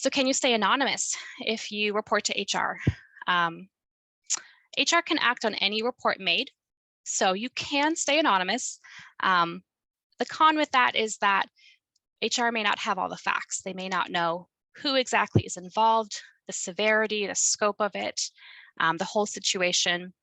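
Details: Adult woman speaking; typical fluent speech.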